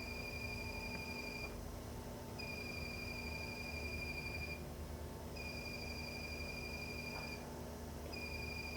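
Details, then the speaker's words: Steady high electronic tone in about two-second bursts with short gaps: Quanta Pronto high-speed diode laser firing 12 pulses per second through a sapphire crystal with chill plate, dragged directionally for hair removal on a man's back. "so we're using a sapphire crystal that the lasers firing through and we're as you can tell he's pulling it directionally"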